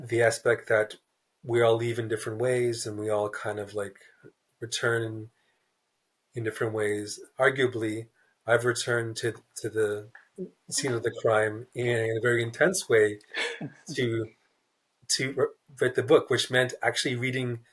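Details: Adult man who stutters, a writer, in a real interview; repeated words and blocks are audible; stuttering.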